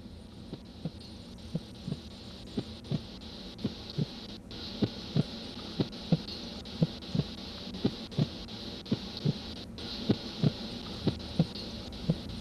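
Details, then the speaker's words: Korotkoff sounds heard through a stethoscope during manual blood pressure measurement as the cuff deflates from 200 mmHg at 1–2 mmHg per second. The first sound marks systolic pressure and the last marks diastolic. "The first lub-dub sound that you will hear is systolic blood pressure. Immediately after the last lub-dub sound will be diastolic."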